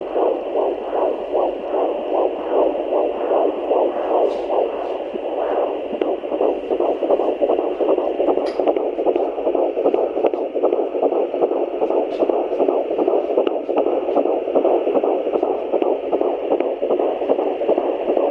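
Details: Fetal heartbeat on Doppler at 13 weeks + 5 days of pregnancy, baby moving after the mother ate: rapid, regular "galloping horse" whooshing pulses at about 154 per minute; normal fetal heartbeat.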